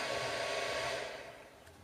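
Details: A handheld Bosidin home IPL hair removal device is switched off by press-and-hold after a session: a steady airy fan whir that fades away.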